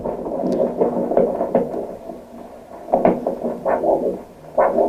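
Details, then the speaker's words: Rhythmic, whooshing pulsatile Doppler signal from an ankle artery during lower-limb arterial disease screening, with a blood-pressure cuff used to measure ankle pressure. Normal arterial Doppler signal. "là aussi on a un signal doppler qui indique que le passage du sang"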